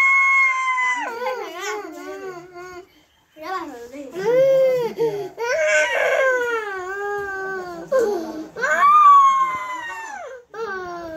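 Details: A young child crying and sobbing with rising and falling wails and short breaths in a small room.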